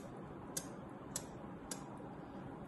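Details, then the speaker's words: Three sharp, high-pitched clicks at a steady pace, imitating the abnormal valve sounds opening snap and ejection click. "لكنه يرش لاوبن سناب لاكشن كليك دي اصوات غير طبيعيه بتحصل مع دي الصمامات ودول بيتسمع كده"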